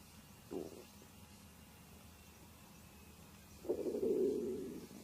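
A brief gurgle, a quiet pause, then a longer low rumbling gurgle: ordinary stomach noises.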